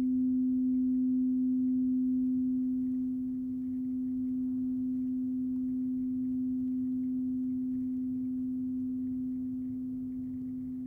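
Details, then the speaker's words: Acted ASMR ear exam roleplay: the lowest tuning fork in a low-to-high bedside hearing test is struck and gives a steady, low, pure ring that slowly fades while the patient is asked to report when the ringing stops. "we're going to start low and go high all right so we're going to use some tuning forks did you play the piano so we're gonna start here and let me know when you hear it stop ringing okay so this is going to be the lowest one"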